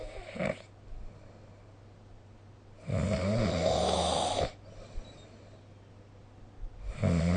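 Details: Low, rattling inspiratory snores roughly every four seconds with quiet gaps, from a sleeping person, recorded with the SnoreLab app.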